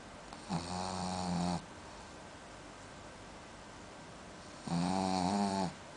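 Two long, buzzing, rattling breaths about four seconds apart with quiet between them: a dog snoring.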